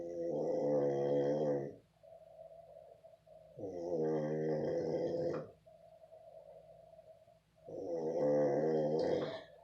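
Three long, rough, rhythmic voiced snores about every four seconds, with quieter noises between them; snoring, not sneezing.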